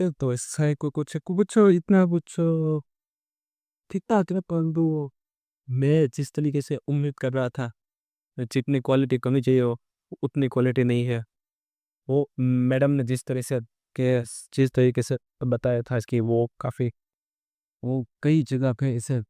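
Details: Stuttering (stammering) in an adult male on day 27 of a stammering-control programme, using pausing and pacing techniques; background-noise removal applied to the recording altered his voice.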